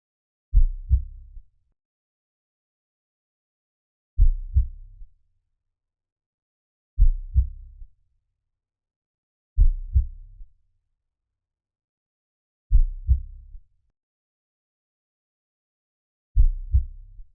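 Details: Heartbeat sounds for calming: deep paired lub-dub thumps, six beats in about 17 seconds, separated by long, uneven silences.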